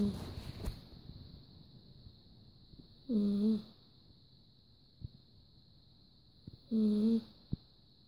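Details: Two short, buzzy, tonal breath sounds about four seconds apart over a steady high background hum: snoring in a sleeping cat.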